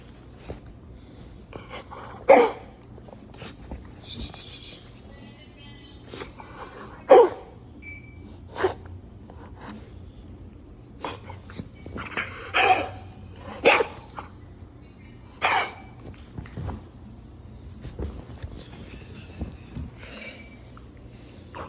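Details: Dog coughing problem: about six sharp, irregular coughing bursts with snorting sounds against low room hum.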